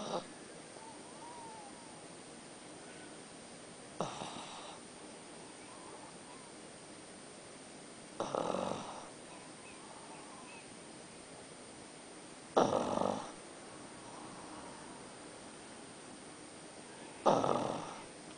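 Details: Four snorting breath noises about every four seconds, roughly 14 a minute, over quiet room noise, from a pug taking an afternoon nap; snoring.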